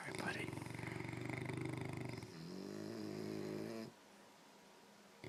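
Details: English Mastiff and French Bulldog sleeping and snoring back and forth: continuous rattling, fluttering snoring with low buzzing tones, faint room noise.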